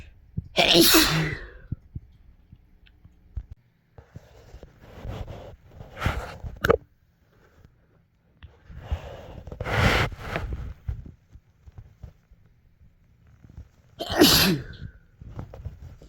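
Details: Spring sneeze compilation: four loud, explosive sneezes, each with a sharp burst of air, separated by quieter breathing and room noise.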